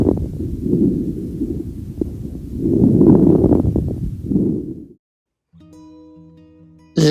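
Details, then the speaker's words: Crackles (wet, consonant crepitations) on stethoscope lung auscultation, fine popping mainly at end of inspiration, not cleared by coughing, diffuse or localized by pathology; unlike interstitial lung disease crackles. "crepitantes consonantes o crepitantes húmedos es diferente al de las neuropatías intersticiales se escuchan sobre todo al final de la inspiración y no desaparecen con la tos y en función de la patología serán difusos o bien localizados [Música] este es el sonido característico de los crepitantes"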